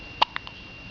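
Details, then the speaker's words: Hiccups, the first ever, in a young cat named Celia: three brief, sharp clicking jerks in quick succession, the first loudest, over a quiet room hum. "Hey, little Celia. What's wrong? You got the hiccups?"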